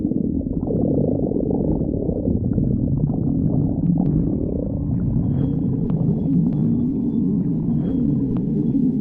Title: stomach growling 6